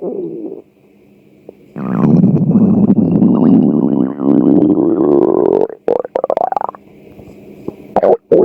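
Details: Long low gurgling rumble with rising pitch, then short bubbling bursts: ordinary hunger stomach growling (borborygmi), a normal bowel sound.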